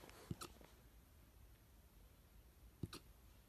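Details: Infant hiccups: two sharp, brief hiccups about 2.5 seconds apart, each followed by a soft catch, in a quiet room.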